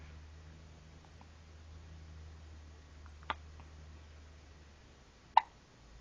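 Two sharp, abrupt hiccup sounds about two seconds apart over quiet room hum; ordinary hiccups.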